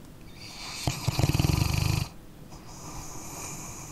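A rapid, fluttering rattly snore from a sleeping dog lasting about a second, then quieter breathing; ordinary sleep snoring.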